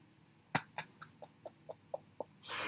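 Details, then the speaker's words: Pet ("the bean") snoring while asleep during a recording: a quick series of eight short, snuffly nasal snores in a steady rhythm, then background noise. "i think my year and total readings are going to benefit in you can hear that that's the bean snoring"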